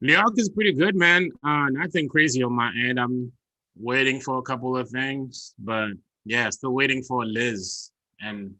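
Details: Adult male speaker; normal voice.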